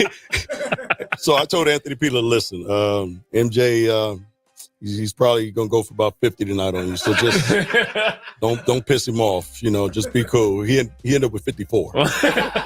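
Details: Adult male speaker; Normal voice.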